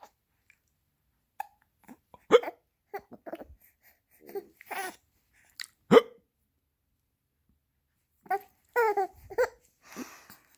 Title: got the hiccups